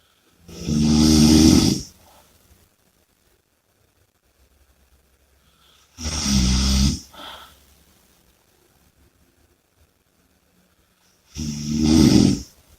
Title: Snoring & Heavy Breathing (Audio)